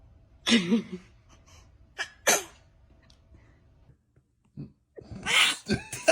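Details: Baby sneezing: a few small, high-pitched sneezes with soft breaths between.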